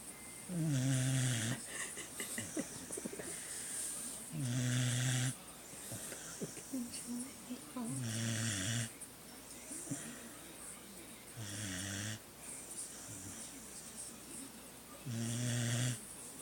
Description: Beagle snoring hihi